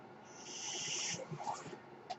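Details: Mechanical ventilator sound: a soft, steady hiss of airflow builds and holds about a second, then fades with a brief puff at the end, a ventilator breath; the speaker says it is his ventilator.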